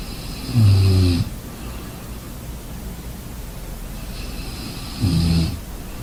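Two low, rumbling snores about four seconds apart over steady background hiss; snoring during sleep.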